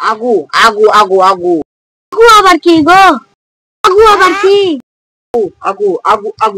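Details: Comedy skit with acted stuttering, repeating a syllable many times; stuttering (acted).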